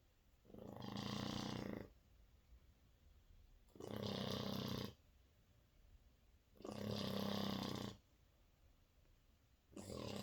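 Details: Loud, rough, rattling snores from a sleeping 4-month-old French Bulldog puppy, one on each breath at about 20 a minute, with quiet pauses between; snoring.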